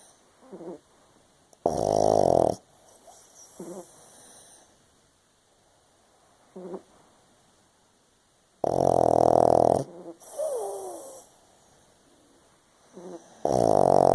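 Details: 7-year-old pug dog snoring during sleep: loud, rough, rattling snores on inhaling roughly every seven seconds, with soft sighing breaths between them, like a grown man.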